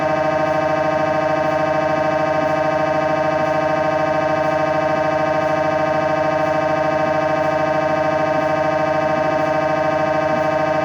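Loud, steady buzzing hum with fast regular pulsing, about 200 a minute: the noise of an MRI scanner running a sequence.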